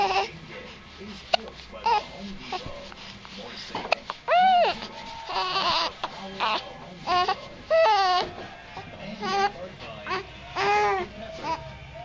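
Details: Infant boy with hiccups, which he dislikes, gives repeated rising-falling wails over soft background noise and faint music; ordinary infant crying.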